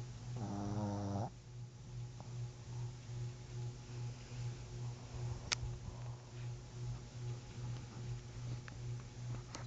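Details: Sleeping dog snoring: soft, steady, continuous low rumbling snore with a brief whine at the start; faint, low-volume recording.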